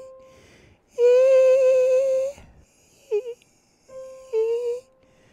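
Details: 56-year-old female alto gliding up in pitch until she cannot go higher, at about C5, which is low for a female; limited upper vocal range.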